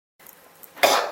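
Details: Person who can't stop coughing: a single harsh, explosive cough after a brief quiet breath in a small room.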